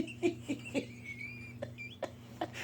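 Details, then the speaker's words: Adult woman with hiccups: a string of six short, high, clucking vocal bursts that sound like a chicken, at first mistaken for choking. "I heard this sound over here and I like thought she was choking it out but nope it's the wonderful hiccups"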